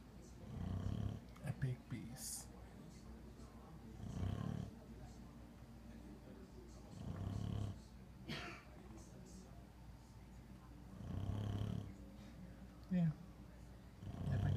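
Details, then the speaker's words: A big dog snoring while asleep, louder than a human: deep, rumbling snores repeating about every three to four seconds, with a steady low hum in the room. "snoring, y'all. This dog snores louder than a fucking human, okay? This is what we listen to."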